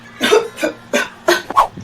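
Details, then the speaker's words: Simulated exaggerated cough acted in a pharmacy-student role-play on self-medication for cough, flu and fever: five quick, forced cough bursts in under two seconds. "Kalau batuk maka Gayanya kayak gimana batuk lebay"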